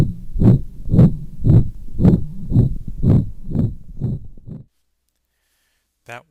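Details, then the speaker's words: Dog with pulmonic stenosis, heard over the pulmonic area, more cranially: a regular heartbeat near 118/min with a harsh crescendo-decrescendo systolic ejection murmur. "another systolic crescendo decrescendo or ejection type murmur this time from a dog with pulmonic stenosis the only real difference between this murmur and the last one is the location this murmur being a little farther cranial over the pulmonic area"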